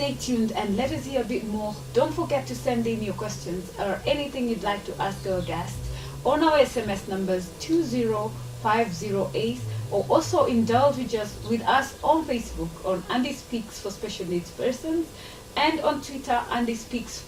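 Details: Adult woman, television host; Normal speech.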